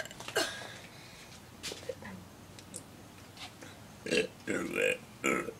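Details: Deliberate burping performance: several loud, throaty burps, the last few close together, with faint room noise between them.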